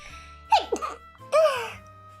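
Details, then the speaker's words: Single voiced sneeze on a livestream, which the streamer blames on bad allergies that day: high, squeaky, drawn-out, over soft background music. "excuse me i swear my allergies are so bad today remember when i could never sneeze on stream because i was so nervous every single stream"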